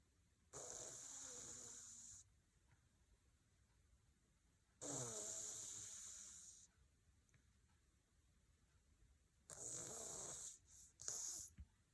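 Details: Cat snoring: three soft, hissing breath sounds a few seconds apart with a faint flutter, in a quiet room; light, tiny snores.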